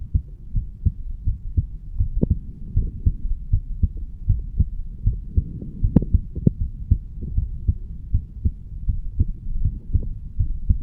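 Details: Heartbeat of a 35-year-old man, standing, recorded over the bicuspid (mitral) valve area: regular low thumps at about 78 beats a minute.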